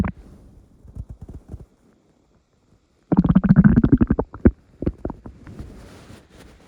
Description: Probably the last video of 2023. Here are some morning rumbles for you all to enjoy.